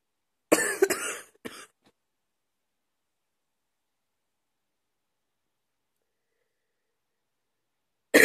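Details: Short run of three or four dry coughs at 2 AM after waking in the middle of the night, then silence and the start of another cough; a night-time cough.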